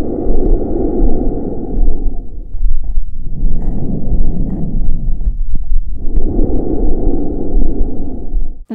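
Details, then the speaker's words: Normal bronchial breath sounds, heard over the trachea and larynx: loud, high-pitched, harsh, hollow and tubular, with inspiration much shorter than expiration and clear gaps between breaths. "answer is bronchial breast sounds the pitch is high and Loud the quality is Harsh tubular and Hollow"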